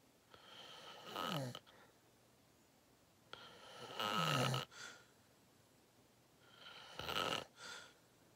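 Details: Adult during a long nap: loud, rough snores on each in-breath, each followed by a softer out-breath, about three cycles in eight seconds; heavy snoring in deep sleep.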